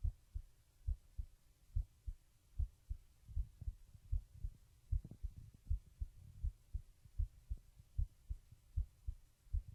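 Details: Soft, low, regular thumps at about 78 a minute with faint hum: an ordinary heartbeat recorded with a webcam microphone while lying down.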